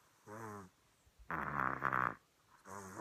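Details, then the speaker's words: Little boy asleep, said to snore like his father: short rumbling snore sounds with each breath and quiet pauses between, in a quiet room; snoring. "it's a little blank sounds very much like daddy loud and clear"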